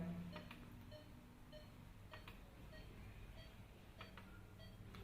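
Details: Repeated short electronic beeps over a steady low room hum as a patient monitor completes a second blood pressure reading during a demonstration of monitor operation.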